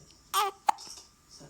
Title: Little Hiccups